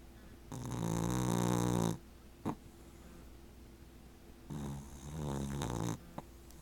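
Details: An 18-week-old American Cocker Spaniel puppy snoring while asleep and dreaming: two long, loud, vibrating snores with a steady buzz, separated by quieter breathing.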